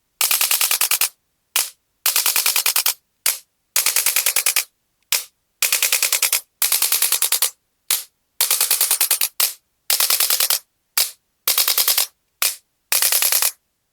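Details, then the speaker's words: Male patient with L3–L4–L5–S1 disc bulges and bilateral sciatica: rapid mechanical clicking in repeated bursts with short pauses, as a handheld adjusting gun is applied to the stuck right kneecap and used to activate marma points. "అందుకని మనం ఈ adjust gun తోటి మనం ఇప్పుడు adjust చేద్దాం ఈ మర్మ పాయింట్లు కూడా మనం ఈ గన్తోటి యక్టివేట్ చేస్తాం అన్నమాట"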